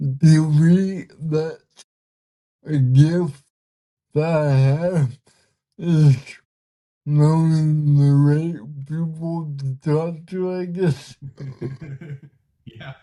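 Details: 32-year-old man with cerebral palsy, speaking in a real conversation; dysarthria (cerebral palsy).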